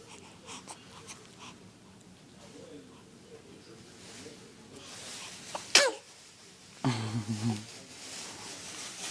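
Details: A baby girl gives one sharp, explosive sneeze, followed by a brief soft voiced whimper, with faint room noise: an ordinary infant sneeze.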